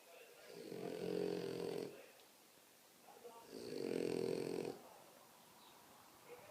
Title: The biggest snoring ever!!!